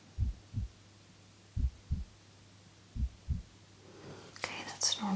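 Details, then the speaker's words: Simulated ASMR full-body exam by non-professionals, listening to the heart with normal breathing: soft, paired low thumps at roughly 80 per minute, then handling noise; a regular heartbeat judged normal. "I'm not listening to your breathing I'm actually listening to your heart and it's beating so far it sounds normal"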